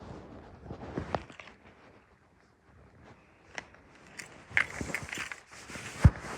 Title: I’m starving listening to my stomach growls